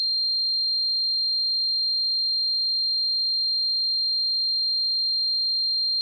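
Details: Simulated tinnitus sound effect: a steady, unbroken high-pitched tone throughout, imitating the constant ringing of tinnitus.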